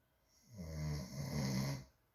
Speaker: He tells me that I sound like I snore really loud, but do you guys hear this?